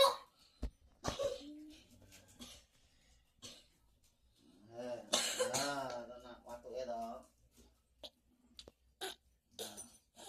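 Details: Adult patient giving several sharp, abrupt cough bursts mixed with groaning and laughter in a small room; a coughing fit.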